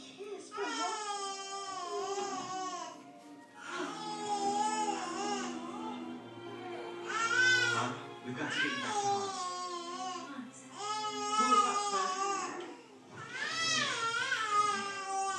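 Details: Infant crying: repeated drawn-out, high wailing cries with brief breaks, possibly faint music in the background.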